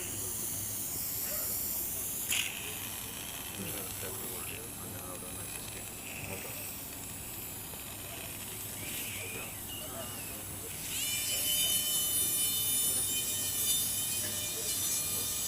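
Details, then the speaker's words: Cadaveric TONES dissection: continuous hissing, grinding drill rising to a high whine, cutting bone wide toward the middle fossa base near the temporalis, with faint room talk behind. "In surgery, I from now on I will switch to a diamond bur. Um I don't think we have a lot of time today, so I push a little bit. I use a continuous cutting."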